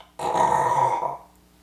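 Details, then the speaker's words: Imitated snore made with the jaw held shut, showing that a chin strap still lets the tongue slide back: a single rough, rattling snort about one second long, with the mouth closed. "But if you consider these for snoring, really your tongue is very easily able to slide back this way. And I mean, it's easy to snore."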